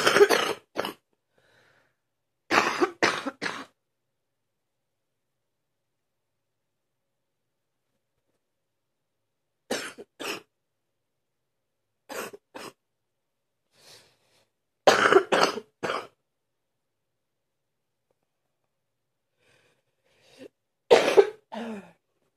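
Repeated deep, forceful coughs in short bouts of two to four, separated by quiet pauses.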